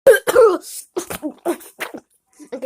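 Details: Sick child coughing: a short run of sharp, loud coughs and throat clearing.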